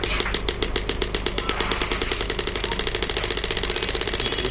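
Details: Biotronix pneumatic shockwave therapy device started from the handle button, adjustable up to 10 bars: rapid, loud, regular mechanical hammering pulses, around ten a second.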